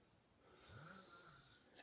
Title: Guy takes home snoring girl, makes hilarious video